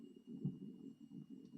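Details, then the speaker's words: Stomach rumbling (borborygmi) from an adult stitching cross-stitch in a quiet room: low, irregular gurgling and rumbling, which he points out as his stomach gurgling. "I don't know if you can hear that. My stomach's having a we symphony to itself at the moment. There are great gurgling going on."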